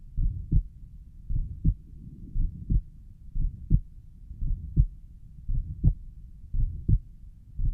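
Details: Self-recorded own heart through a stethoscope, labelled pulmonic valve; regular low heartbeats about 57 a minute with a soft rushing sound between beats; recorder suspects a mid-systolic murmur; possible systolic murmur.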